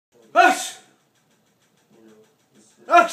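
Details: Baby girl scared of her father's pretend sneezes: two loud, abrupt voiced bursts with a sharp intake before each, separated by quiet with faint brief vocal sounds; simulated sneezing.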